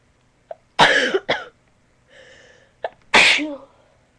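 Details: A person with a cold and allergies, with a quick catch of breath, then sharp, explosive sneezes and a cough-like burst, recorded on a good microphone; sneezing and coughing.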